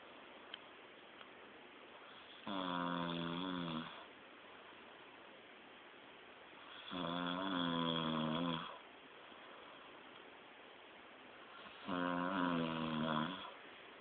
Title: Funny Snoring Wake Up Prank Yell